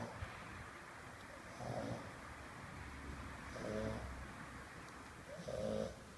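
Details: Bulldog snoring while asleep: soft, rough snores with each breath, roughly every two seconds, over steady room noise.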